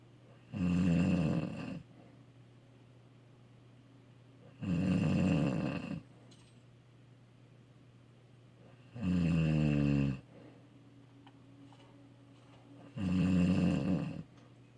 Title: Request of the Wife snoring